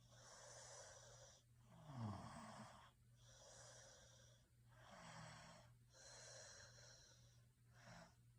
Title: Snoring sounds Sleep 🛌 well